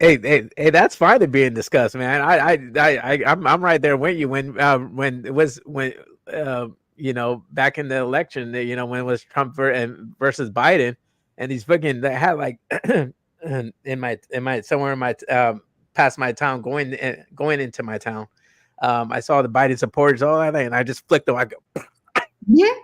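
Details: Adult male host with self-reported stuttering, very noticeable in his earlier videos and worse with unfamiliar people or unfamiliar situations; stuttering.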